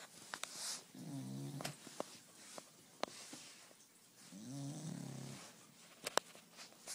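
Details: Two drawn-out, buzzing, vibrating snores with scattered clicks and snuffles from napping bulldogs, one aged 1 year and one aged 5 months.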